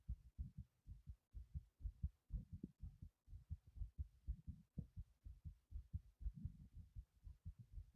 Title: Heart pumping after lifting a heavy object #heartbeat #heartsounds